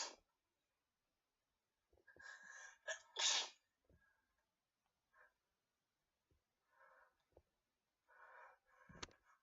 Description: The fourth sneeze was so powerful I dropped my phone;)